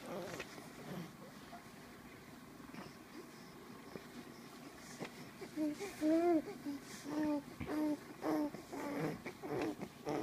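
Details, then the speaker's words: A 6-week-old baby girl in her mamaroo, possibly a happy cry: brief, fussy cry sounds with short rising and falling wails and pauses, not sustained or strained; normal infant cry. "Is that a happy cry?"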